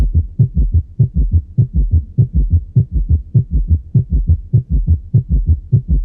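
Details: Rapid, low-pitched heart rhythm near 100 a minute with a loud extra diastolic sound, where S3 and S4 fuse in tachycardia: a summation gallop, said to indicate severe cardiocirculatory failure.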